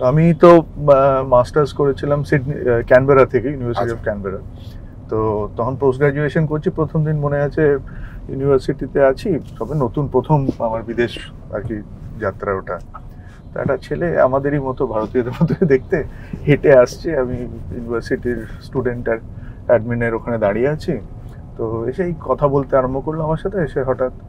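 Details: Adult man speaking Bengali; typical speech.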